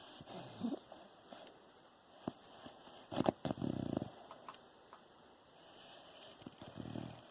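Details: Sleeping Beagle, tongue out, eyes open and moving: soft, irregular snuffling snores and nasal breathing, with faint room noise.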